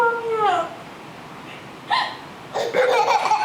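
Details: Young boy with hiccups: short, abrupt, squeaky voiced catches at irregular intervals, mixed with laugh-like sounds, while a child calls to mommy.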